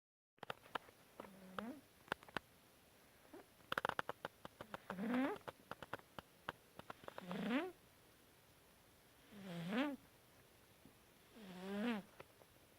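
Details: Cat snoring in sleep: soft, squeaky snores every two to three seconds with light clicking noises between.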